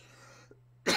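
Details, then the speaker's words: Adult recovering from COVID with a small lingering cough: a single abrupt cough burst after near silence with a steady low electrical hum. "i just have a small cough still which you'll hear throughout the uh the stream tonight"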